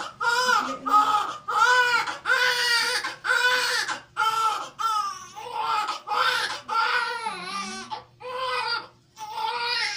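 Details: Loud, rhythmic crying of a newborn right after a normal (vaginal) delivery, in repeated strong bursts with brief breaths between, in a small room; a vigorous, normal cry.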